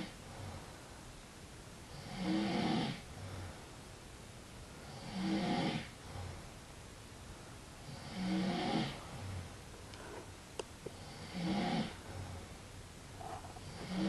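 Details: Man snoring while insisting he is not asleep: regular rasping snores about every three seconds, around 20 a minute, each followed by a softer breath out.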